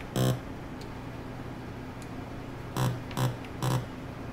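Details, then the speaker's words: Laboratory recording from an electrode in an animal's brain during behavioural monitoring: steady low hum with sharp crackling pops, the audio monitor of single-neuron electrical activity. "Behavior to how much juice they're getting to the position of my electrode and what the electrical activity that's coming off of there is, where the animal is looking. That is the sound of brain activity in"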